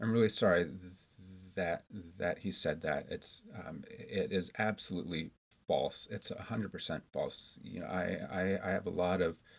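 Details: Stuttering in an adult male speech therapist who has stuttered throughout life and earlier had a covert stutter.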